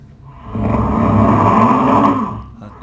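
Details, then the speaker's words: Loud snoring in a sleep-study subject, peaking over 90 decibels for long periods without breathing pauses: a single long, harsh, rumbling snore swelling and fading over about two seconds. "and we've also got loud snorers as well and here's an example of one and this particular subject is showing you a a long period of time it's snoring up to 90 decibels okay so we're actually peaking it over 90."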